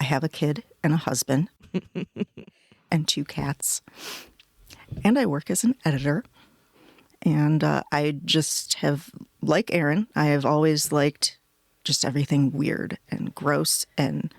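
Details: Adult woman speaking; normal voice.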